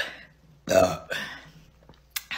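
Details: Two loud, low, rough bursts from the throat with quiet gaps between them: burping.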